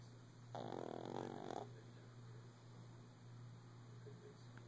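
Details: Shih tzu dog snoring while lying down early in the morning: one loud, rattling snore of about a second, then quiet breathing over a steady low hum.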